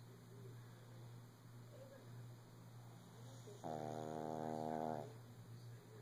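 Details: Quiet breathing noises, then a loud buzzing, tonal snore lasting over a second, from a shih tzu lying down early in the morning.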